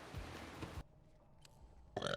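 A low, rumbling throaty sound, a deep burp, followed by a short pause and a second noisy burst.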